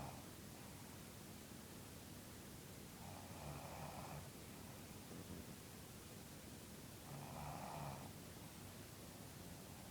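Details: Mother asleep: two soft, fluttering snores about four seconds apart, about fifteen breaths a minute, over steady background hiss; snoring.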